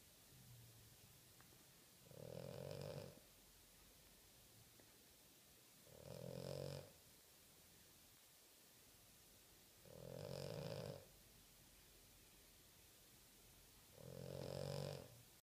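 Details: Dog snoring loudly: a rough, buzzing snore on each breath at roughly 15 breaths a minute, with quiet pauses between.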